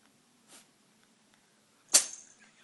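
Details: Cat filmed while sneezing a lot one day, before a vet visit (sneezing lasted one day): faint hiss, then one sharp, hissing sneeze.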